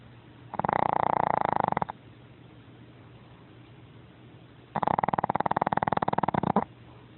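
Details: Small 8 lb pet dog snoring loudly while asleep: two loud, rattling, fluttering snores a few seconds apart over a quiet room background.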